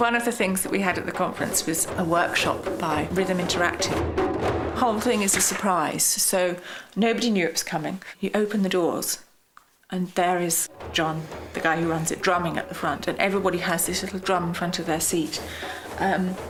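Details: Adult narrator; ordinary speech.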